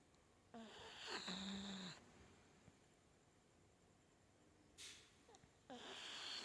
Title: its that your dog a snoring too. guest what mr. wasabe he love to sleep and snoring all day long.